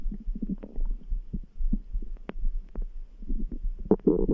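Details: Bubbling, gurgling stomach rumbles rising to a louder growl at the end, with faint thumping heartbeat underneath; ordinary stomach grumbling.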